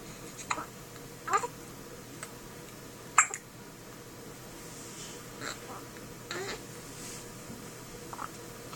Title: first hiccups-one day old